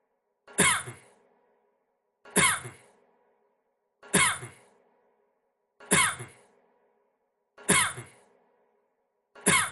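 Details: Six single, breathy cough bursts at even intervals, about 34 a minute, with a quiet echo after each one; coughing.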